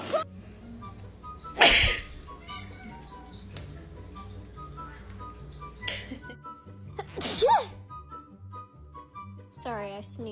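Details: Owner sneezing with a pet cat reacting: two sharp, explosive human sneezes, with the cat's meow near the end and background music.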